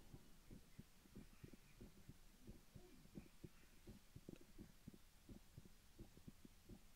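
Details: Stethoscope heard over a person's chest in an ASMR recording: soft, low, regular thumps with light rubbing noise; normal heartbeat.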